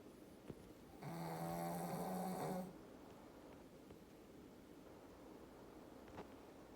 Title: 😴💤💤💤 Snoring while napping 😂😂😂